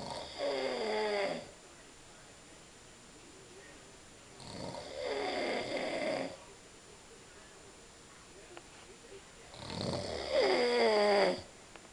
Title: dad snoring like a mad rhino